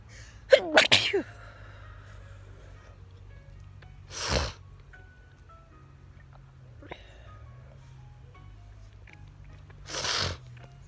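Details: Repeated sneezing outdoors in a garden in summer, attributed to a grass allergy: a quick run of three sneezes, then two more single sneezes spaced apart, with faint music and outdoor background.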